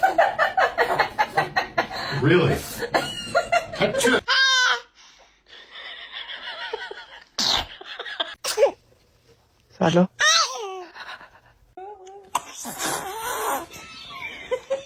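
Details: Short, sharp bursts from a baby amid adult talk, laughter and "bless you"; infant sneezes.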